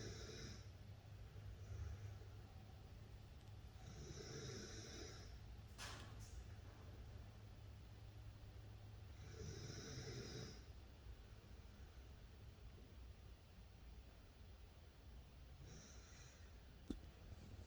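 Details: Baby boy snoring like an old man: soft, noisy breaths every few seconds with a rough, faint snore quality over steady low room hum.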